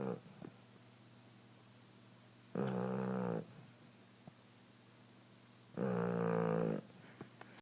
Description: She's sawing logs! Lol